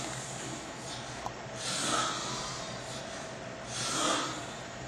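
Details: Two harsh, airy, snorting breath noises a couple of seconds apart over steady room hiss: snoring during sleep.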